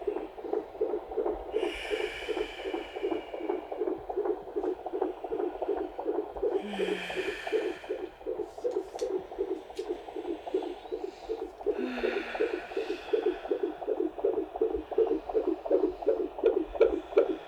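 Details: During labour at the midwife's house after the waters broke, a rapid galloping Doppler fetal heartbeat runs higher than it should, with dips to a reasonable range; fetal tachycardia.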